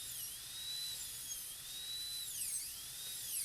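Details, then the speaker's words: High-speed dental drill cutting a porcelain-fused-to-metal crown preparation on a maxillary canine on a typodont, reducing the lingual marginal ridge from the incisal edge: high-pitched whine rising and dipping as the bur cuts and eases off. "Then we'll reduce down the marginal ridge from the incisal edge. Same thing over here."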